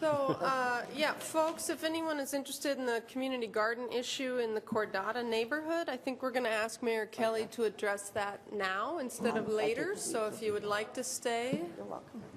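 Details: Adult woman speaking; ordinary speech.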